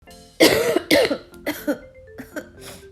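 Acted coughing: two loud, harsh coughs followed by several softer, shorter coughs, with soft background music.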